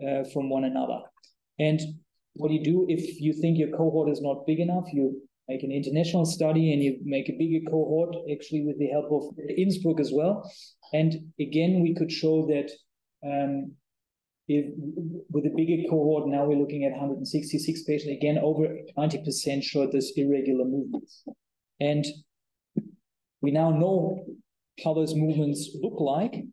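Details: Adult male lecturer; typical speech.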